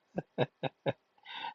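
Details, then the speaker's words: Four quick snorting sneezes from a small flat-faced dog with a runny nose, then a brief nasal grunt. "Dude, can you stop the sneezing? Come here, yo. Yeah, wipe your nose off all the time with your runny ass nose, dude."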